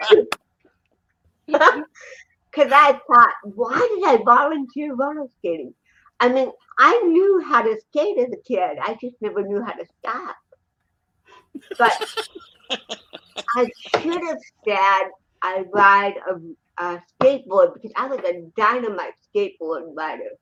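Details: Adult woman with cerebral palsy who also has a 75% hearing loss and wears hearing aids; dysarthria (cerebral palsy).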